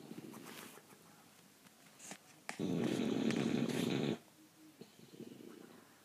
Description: Bulldog snoring